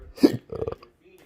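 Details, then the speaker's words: Short, forceful throat burps with rough, gulping voiced noise, felt painfully at the Adam's apple, worse with movement, in a patient with chronic intractable hiccups since 2015, breathing and choking spasms and erratic stomach sphincter control: repeated spasmodic belching. "so here I can at least breathe a little these burps. They're right here in my throat. The Adam's apple area. It goes up and down and that's where that gets a little painful."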